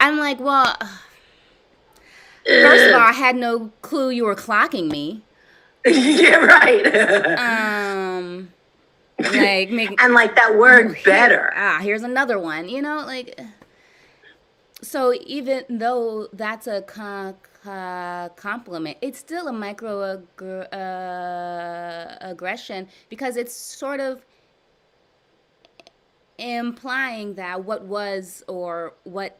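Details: Adult woman with severe blocks since childhood, in a live stuttering therapy session practicing voluntary stuttering, prolongations and cancellations; word repetitions and revisions; stuttering.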